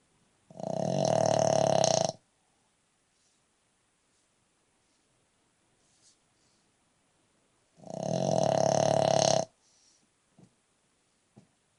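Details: Seven-year-old brindle Boston Terrier snoring while asleep: two loud, rough, rattling snores, each over a second long and about seven seconds apart, with quiet breathing between.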